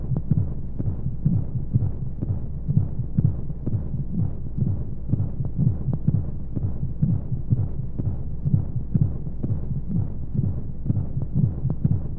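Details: Womb sound played as a baby sleep aid with white noise: steady, muffled, low heartbeat thumps, about 125 a minute, under a continuous whooshing hiss, as heard inside the womb.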